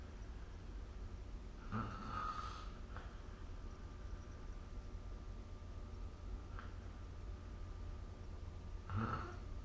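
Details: Soft, low snorting snores recurring about every seven seconds over a steady room hum, recorded during sleep with the SnoreLab app.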